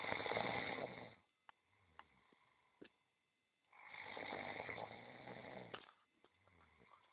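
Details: Cat snoring during a massage: two long, raspy snoring breaths a few seconds apart with soft clicks between, from a relaxed sleeping cat; harmless snoring.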